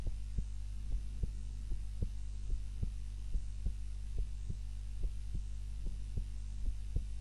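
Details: Own heart sounds recorded on a timer while napping, lying on the back (supine) rather than the usual face-down position: regular soft low thumps, about 70 a minute, over a steady low hum; normal heart sounds.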